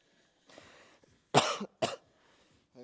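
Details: Two sharp, harsh cough bursts following a brief breathy throat noise, in a quiet small room, after a leg workout at the gym; person mentions feeling like throwing up.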